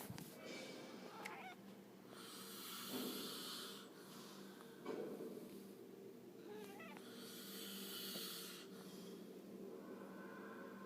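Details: Rough, hissing snores over a steady background hum, several long noisy breaths in a row.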